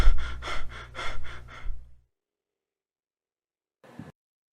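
A quick run of about five rapid, even breaths, then nearly two seconds of silence before breathing resumes: Biot breathing, clustered breaths broken by apnoea.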